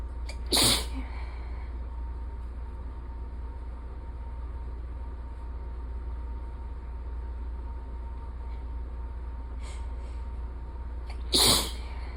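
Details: Two sharp sneezes about eleven seconds apart over a steady low background hum.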